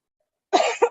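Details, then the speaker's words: Adult recovering from an illness gives a short cough of two bursts, a stronger first and a quick second, in a quiet room; cough. "My apologies. I'm just recovering from an illness, so you will hear me cough occasionally."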